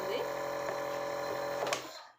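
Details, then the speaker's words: Home nebulizer, shown for use in babies, switched on: steady mechanical compressor hum and buzz producing mist, then fading as it stops. "So ఇలా మనమైతే switch చేయగానే పోగొస్తుంది ఇలా ఇలా అయితే పొగ వస్తుంది"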